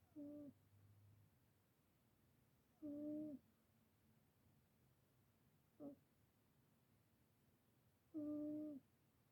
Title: cat snoring 😴